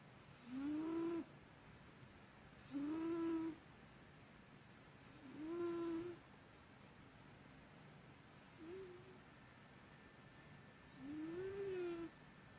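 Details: Sleeping cat with long-standing snoring, louder than usual today: five soft, tonal snores, each under a second, at roughly 26 per minute, with quiet gaps between them.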